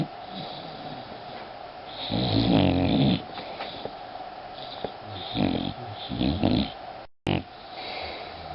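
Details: Sleeping Boxer dog: rough, rattling snores with a few snorting breaths in a quiet room; snoring.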